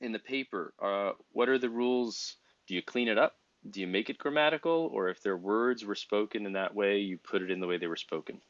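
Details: Adult male speaker; ordinary speech.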